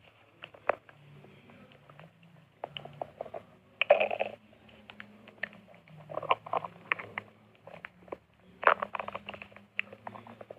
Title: my stomach growling again